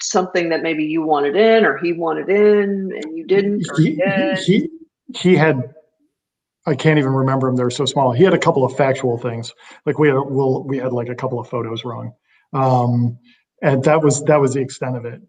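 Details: Real stuttering in an adult woman who says she stutters sometimes, speaking on a panel.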